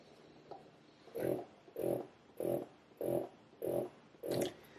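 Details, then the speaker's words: Momcozy V1 wearable breast pump running: regular, fairly loud whooshing mechanical suction pulses, about 98 a minute; described as not the quietest pump. "I will say that this pump is not the quietest I'm gonna go ahead and play it for you"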